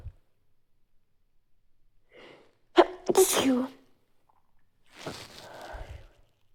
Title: stifle sneezing